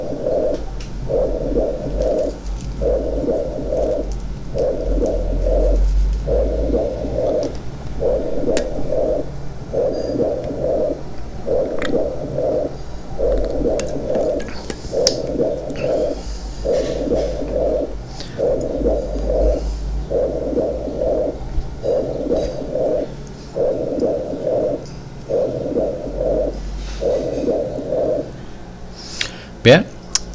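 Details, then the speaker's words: Whispered "1, 2, 3" auscultated, following comparison between pleural effusion area and healthy area: muffled rhythmic voice sounds through the chest wall, whispered pectoriloquy. "esa es la pectoriloquia áfona."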